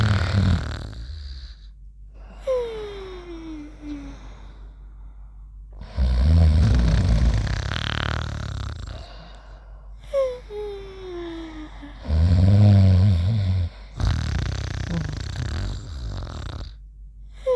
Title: Mimi and Trusty Sleeping and Snoring Together